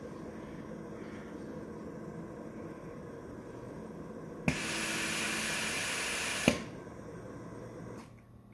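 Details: Hamilton T1 transfer ventilator pre-use tightness check on an ICU transfer trolley, patient circuit disconnected and occluded by thumb: low room hum, a click, about two seconds of steady airflow hiss, another click.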